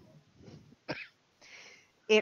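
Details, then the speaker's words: Two short explosive coughs from an adult podcast host, heard in the background due to imperfect muting, with faint room noise and breathy hiss between; cough. "bad muting rather than moving the mic so you can hear my lovely coughing in the background"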